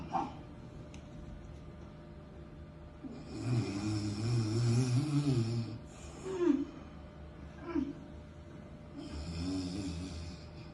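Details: Loud, low fluttering snore-like sounds with snorts between, likely acted for comedy: a woman snoring in a comedy skit.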